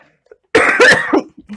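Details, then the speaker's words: Two or three quick, moderately loud cough bursts with a throat-clearing quality from an adult who says they are still coughing. "je tousse toujours comme vous l'entendez"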